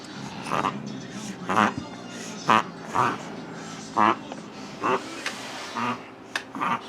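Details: Reverse sneezing in a Japanese Chin dog: a rhythmic run of repeated loud snorting breaths pulled in through the nose.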